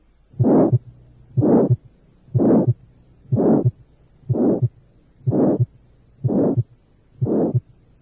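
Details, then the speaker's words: Recorded (Merck) valvular aortic stenosis murmur: crescendo-decrescendo (diamond-shaped), ending before the second heart sound, harsh rough timbre; aortic stenosis murmur. "estenosis valvular aórtica tiene entonces estas características un es creciente decreciente o de forma romboidal dos termina antes del segundo ruido cardíaco y tres tiene timbre rudo o áspero"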